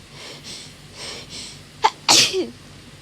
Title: My hayfever sneezes compilation